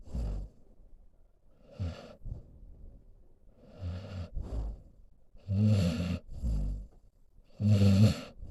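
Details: Solomon, a senior pit bull mix dog sleeping, snoring: low rumbling snores on each breath, about 28 a minute and somewhat irregular.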